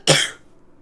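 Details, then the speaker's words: Cough: a single sharp, harsh cough fading quickly into quiet, from a live-streaming adult who says the cough is about as bad as it has ever been. "Your cough like is so is fine, and this is what it sounds like. This is about as bad as it's ever been, too."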